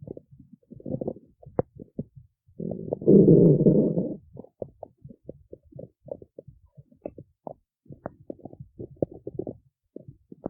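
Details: Stomach growling in the city: bursts of bubbly gurgling and one long, loud growl; normal digestive rumbling (borborygmi).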